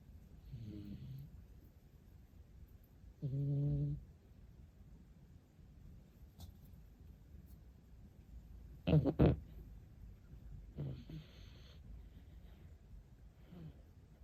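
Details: Rescued cat snoring while asleep: soft, irregular nasal snores with a faint rumble between, over quiet room noise; ordinary snoring.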